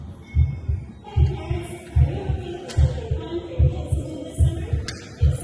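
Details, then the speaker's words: Regular low thumping heartbeat at about 74 beats a minute with background music, played by a heart exhibit at a health museum; a normal heart rhythm. "It's pretty cool. You can hear the heartbeating."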